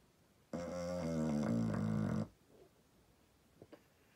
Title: Dog Snoring *Extremely Loud* #shorts